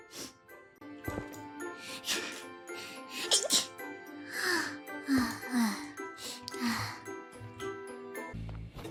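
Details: Moona, a streamer, sneezes in a deliberately cute anime-girl style during a stream: several small, high-pitched, squeaky sneezes over background music.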